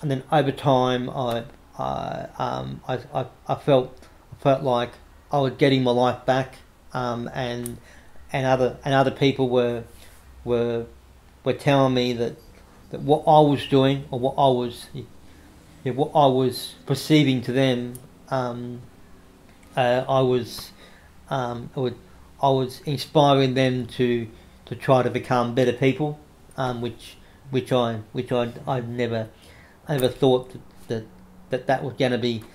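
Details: Adult man with cerebral palsy since infancy, no movement in his right side (right arm and leg affected), says he has a bit of a stutter he tries to control by calming down; stuttering.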